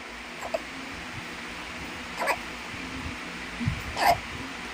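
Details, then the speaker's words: Newborn baby girl with hiccups on waking: three short, sharp hiccups, irregularly spaced over a few seconds in a quiet room, while her mother hums a lullaby. "my baby has hiccups You'll be safe here. hiccup hiccup hiccup hiccup My baby still has hiccups."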